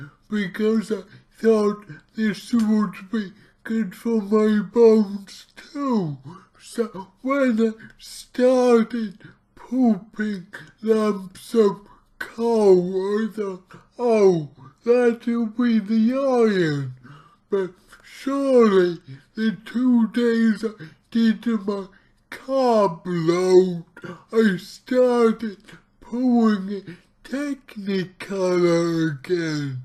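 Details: Dysarthria from cerebral palsy in an adult male speaking about his own condition, heavily distorted speech, about two weeks into trying a keto diet to see its effect on his cerebral palsy.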